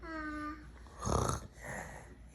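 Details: A child gives a brief, rough imitation of an adult's snoring while pretending to sleep, in a small room: imitated snoring.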